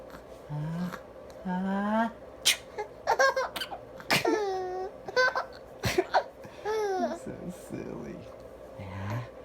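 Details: Adult imitating sneezes (pretend, not real) for a baby, who laughs, giggles and squeals in response; imitation sneezing.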